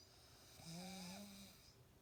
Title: Dad snores so loud.